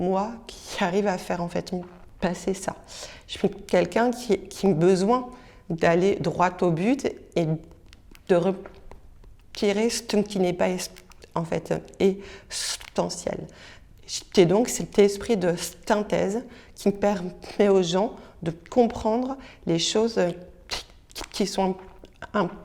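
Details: Stuttering in a French-speaking adult who stutters.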